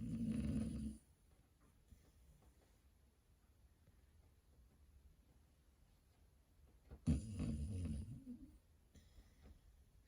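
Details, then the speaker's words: Dog named Riley snoring while asleep in the morning: two loud, low rumbling snores about seven seconds apart with quiet breathing between; owner wants an adjustable bed to curb the snoring. "Riley snoring away the morning."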